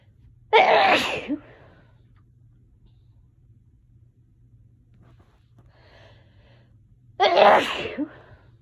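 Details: Allergy sneezes: two forceful, explosive sneezes several seconds apart against quiet room hum.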